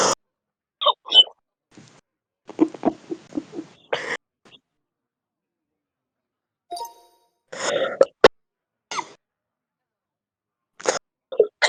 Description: 11 minutes of real heavy smoker's cough. Deep, chesty and intense coughing